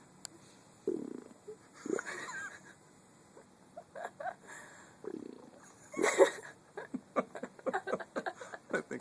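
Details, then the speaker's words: Stomach making weird noises: rumbling borborygmi, followed by mention of needing to go to the bathroom. "tell me you don't know what your stomach's doing it's making weird noises uhhuh"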